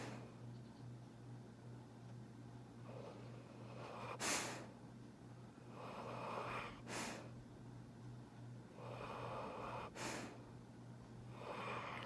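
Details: Pit bull dog napping in a chair, a loud snorer: snoring sounds during sleep.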